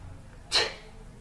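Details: Person with repeated sneezing: a single short, sharp, airy burst of a sneeze over quiet room sound.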